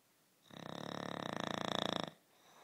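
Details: A sleeping dog snoring: a single rattling, fluttering snore on an in-breath, lasting about a second and a half.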